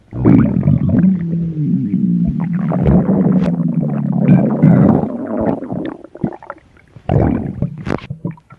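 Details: Loud, drawn-out gurgling growls and rumbles with bubbling pops from a hungry stomach; borborygmi, stomach growling.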